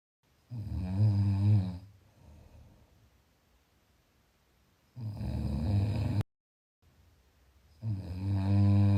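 Loud, low, rattling snores on inhalation with quieter breathing between, about three breaths in nine seconds; typical snoring.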